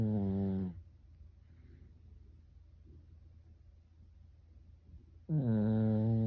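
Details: Pet Pekingese dog snoring like a person in sleep: loud, buzzing, humanlike inspiratory snores separated by a quiet pause of about four seconds.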